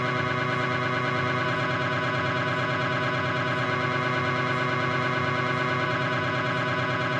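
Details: Loud, steady buzzing drone with rapid pulsing, about three pulses a second, from a Philips 1.5T MRI scanner during a knee examination; MRI scanner noise.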